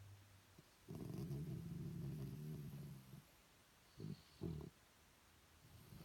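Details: Shih Tzu dog snoring: a long low rattling snore followed by two short snorting breaths.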